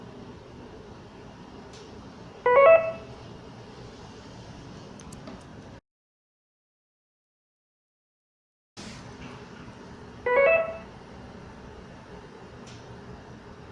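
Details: Sound-effect recording of an infusion pump (IV fluid controller) alert: two short rising electronic chimes a few seconds apart over quiet room hum.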